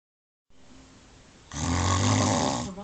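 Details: A wife snoring in her sleep: quiet breathing, then a single loud, rough, low-pitched vibrating snore on the in-breath.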